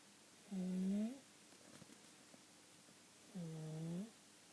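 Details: Sleeping child with continual inspiratory stridor, a harsh noise on each breath in.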